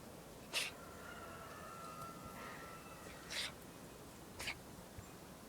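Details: Cat sneezing nonstop: three short, sharp sneeze bursts over about five seconds against quiet room noise.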